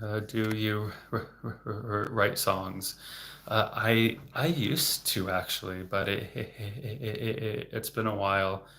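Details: Adult man, a speech-language pathologist, who has stuttered since age eight and had speech therapy from childhood into his 20s; word repetitions; stuttering.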